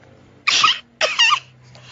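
Two short, high-pitched, airy coughs, deliberately performed as a comic imitation rather than a real cough.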